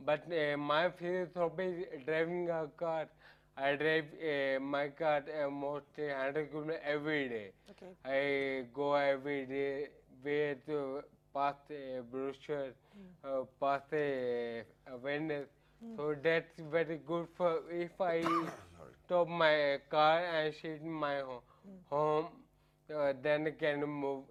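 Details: Adult man with progressive ataxia affecting the speech muscles; he says the disease disturbed his speaking: ataxic dysarthria.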